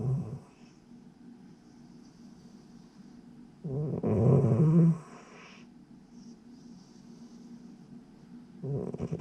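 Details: Sleeping cat snoring, possibly dreaming: low, rough rumbling breaths recur every few seconds against quiet room noise.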